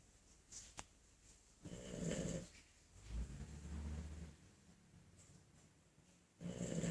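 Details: Bulldog lying on the couch, snoring: low, rumbling, rattly breaths, about three loud noisy breaths with pauses between.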